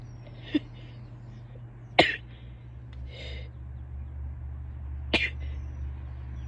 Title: sneezes, sniffles, nose blows and coughing (f)